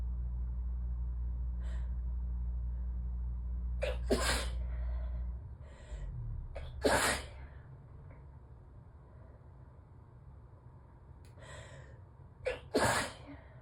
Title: 5/1/23 - messy morning allergy sneezes into a tissue